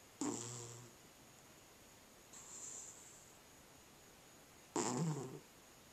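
Three soft snores from a sleeping cat, with the middle one fainter, over a faint steady hiss. Ordinary sleep snoring.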